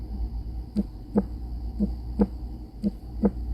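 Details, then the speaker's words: Normal heartbeat of an adult woman heard through a stethoscope on the chest: regular paired lub-dub sounds at about 58 beats a minute; her heart sounds great. "That's what I'm hearing too. Her heart sounds great."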